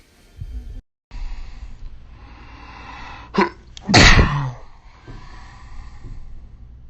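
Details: A person sneezing: a quick indrawn breath, then one sharp, explosive sneeze, with faint room noise.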